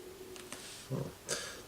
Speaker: That's my stomach making weird noises. On the bench with stomach.